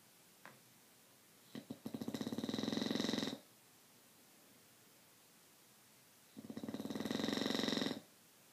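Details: Snoring during sleep: two long, fluttering, rattling snores with quiet gaps between them.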